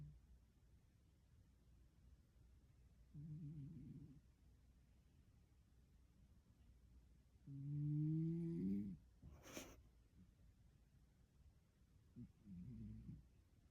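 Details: Three soft, low, rumbling snores from a cat sleeping deeply in a quiet room, the middle one loudest and followed by a brief snort; snoring.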